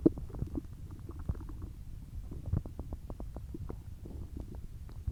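Continuous low gurgling with rapid clicks and squelches throughout; ordinary active stomach growling.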